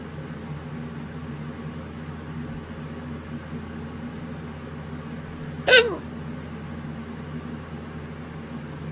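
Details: Single sudden sharp hiccup in a quiet room, late at night; violent hiccups that have lasted half an hour already and won't go away.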